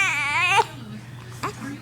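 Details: Baby sneezing while feeding from a bottle nipple: a brief high-pitched infant cry, then quieter fussing sounds; an ordinary short cry.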